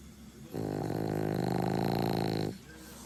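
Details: French Bulldog in deep sleep with eyes half open, giving one long, loud, vibrating snore of about two seconds with a low fluttering rattle. Heavy snoring.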